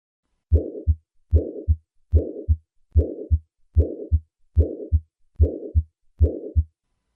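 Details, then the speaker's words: Acute mitral regurgitation heard at the apex: regular heartbeat about 74 a minute with a loud early systolic murmur. "Apex acute mitro regurgitation"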